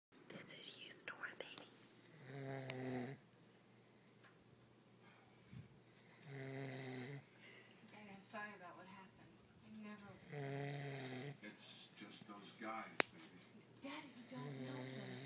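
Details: Fiancé snoring loudly enough to "bring the house down" during sleep: repeated voiced, buzzing snores, each about a second long, with quiet gaps between them; ordinary snoring.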